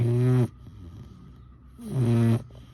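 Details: Four-month-old boxer/bully puppy asleep after a full day and a long walk, giving two loud, low, buzzing snores on inward breaths with a quiet pause between; snoring.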